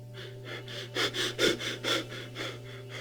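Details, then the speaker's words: Teaching audio of Cheyne-Stokes breathing, seen in deep sleep or coma: periods of apnea alternating with quick breaths that gradually swell in loudness then fade back toward quiet. "shane stock's breathing pattern is described as a period of apnea followed by gradual increase and decrease and another pursuit of apnea and here's how it sounds like"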